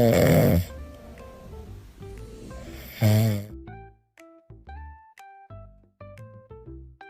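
Two loud, rattling snores about three seconds apart over soft plinking background music: a sleeping cat snoring.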